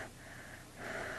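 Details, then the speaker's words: Wheezing, simulated: a short, strained, whistling breath drawn in over background hiss as an acted patient develops breathing trouble and itching, suggesting anaphylaxis after IV penicillin. "Rory 212 needs you stat she's having trouble breathing"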